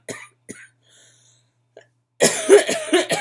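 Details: Two short, dry coughs, then a louder, rougher run of coughing and throat noise in a quiet room; adult with bronchitis and asthma complications, on prednisone.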